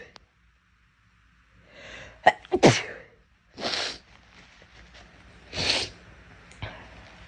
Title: Girl sneezing 10